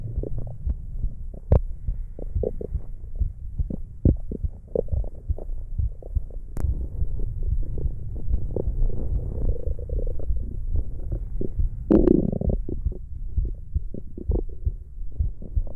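Continuous low gurgling and rumbling with irregular bubbling pops and a louder gurgle near the end. Ordinary stomach growling.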